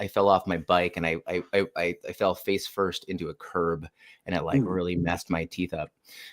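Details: Adult man who grew up with a severe stutter and says he still stutters at moments; repeats "I" several times here; stuttering.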